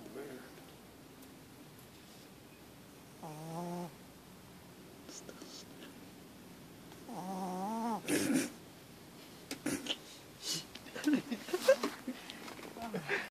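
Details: Female dog snoring loudly while sleeping with her eyes open: two drawn-out, buzzy, tonal breaths a few seconds apart, then soft clicks and snuffles.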